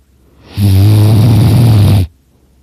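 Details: Person napping on a couch snoring very loudly in a quiet room, with snoring that hurts their throat a little: a single loud, deep, rattling snore of about one and a half seconds; snoring.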